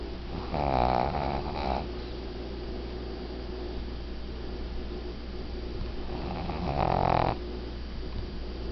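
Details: 12-year-old female Shih Tzu, snoring since puppyhood, asleep: two long, rattling snores about five seconds apart with a quiet hum between, snoring.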